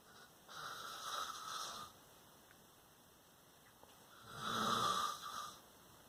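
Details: A sleeping adult father snoring: two rough, rattling snores on breathing in, separated by a quiet pause.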